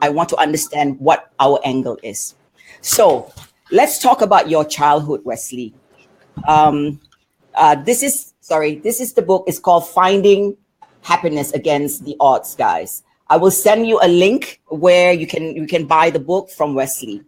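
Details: Adult speaker; Normal speech.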